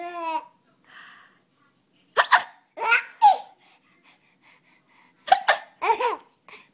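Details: A child's abrupt hiccup-like catches broken up by bursts of giggling laughter; ordinary hiccups.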